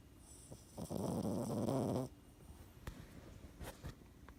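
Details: Boston Terrier puppy snoring and grinding his teeth: one loud, rattling snore about a second long, then quiet snuffles and small clicks.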